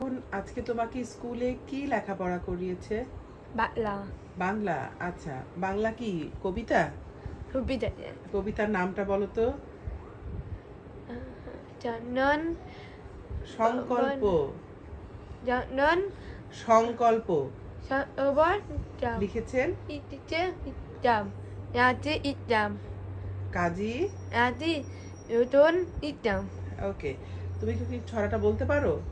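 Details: 13-year-old boy reciting a Bengali poem with his mother, 7 years after receiving a cochlear implant; words repeated during recitation; speech of a child with a cochlear implant.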